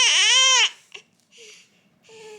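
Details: Baby girl crying during tummy time with a mirror in front of her: a short, loud, high-pitched wail fading into soft whimpers and fussing; protest cry.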